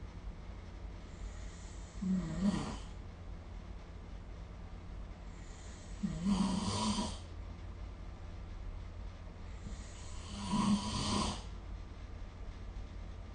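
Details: Snoring in sleep: three rough, rattling inhaled snores about four seconds apart, roughly fifteen a minute, with a steady low hum behind.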